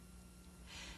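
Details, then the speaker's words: Patient instructed to breathe deeply through the mouth while breath sounds are auscultated with the stethoscope diaphragm during a head-to-toe nursing assessment: quiet, brief open-mouth breath. "To do this, instruct the patient to breathe deeply through his"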